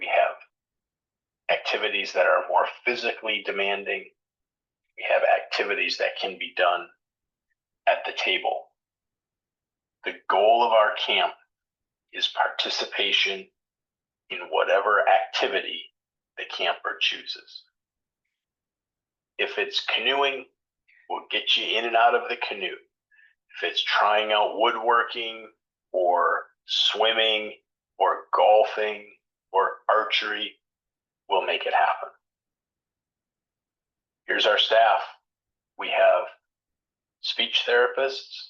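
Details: Adult man speaking; normal speech.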